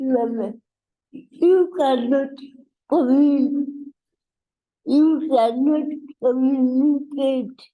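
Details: Adult woman with cerebral palsy; dysarthria (cerebral palsy).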